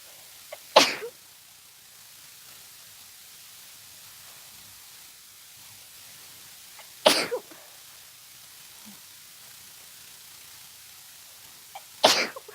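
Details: Three loud, explosive sneezes several seconds apart, each with a brief lead-in breath, in a quiet room; a short sneezing attack that began suddenly for no known reason.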